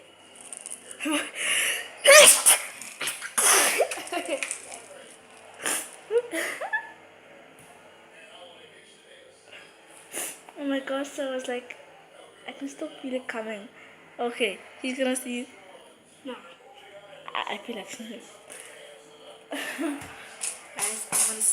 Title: Funny sneeze